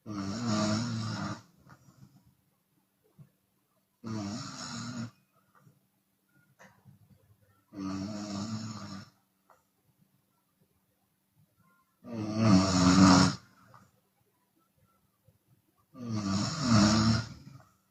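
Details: Chinese woman snoring with open mouth, sometimes on the exhale: loud, rattling snores about 15 a minute with quiet gaps between; open-mouth snoring.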